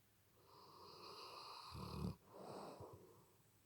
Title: Turn vol up to 100 to hear this snoring dog